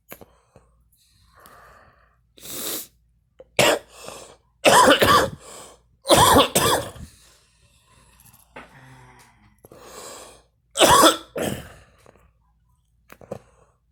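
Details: A woman smoking and coughing: a series of harsh, dry coughs, about eight to nine, with quiet breaths between.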